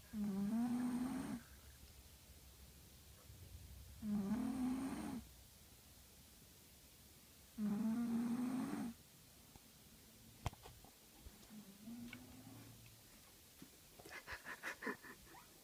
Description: Zzzz zzzz zzzz snoring like a freight train